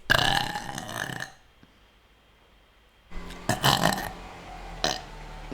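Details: VTuber streamer burping during a stream: a loud, drawn-out burp, a pause, then further belching sounds; burping.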